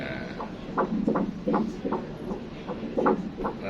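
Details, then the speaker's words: Rapid, regular whooshing Doppler pulses at about 160 a minute: a normal fetal heartbeat at roughly 11–12 weeks, checked first at the start of an ultrasound examination. "Selalu saat kita melakukan pemeriksaan cek dulu detak jantung."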